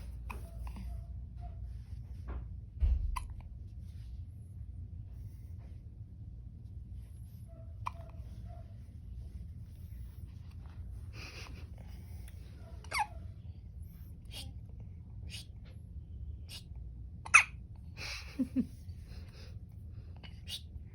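About five abrupt, brief hiccup sounds at irregular gaps over a quiet, low room hum.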